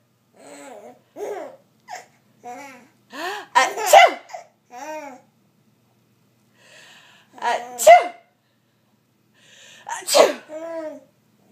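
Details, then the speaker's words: Mother sneezing while her baby laughs: an adult sneezes three times, sharp and explosive, with the baby giggling and babbling between the sneezes. "is it funny when Mommy sneezes he's get laid reaction he's like are you okay Mom oh you're okay now I can laugh"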